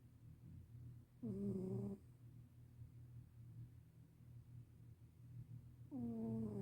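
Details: Sleeping senior black cat rubbing his nose: two loud, tonal, slightly falling snores about five seconds apart over a steady low rumble; snoring.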